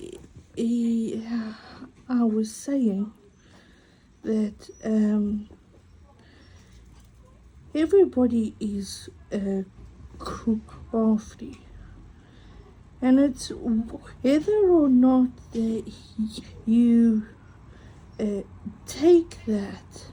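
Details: Adult woman with a self-reported stutter affecting mainly vowel-initial and W words, which she says is audible; she has accepted it and copes using breathing techniques; stuttering.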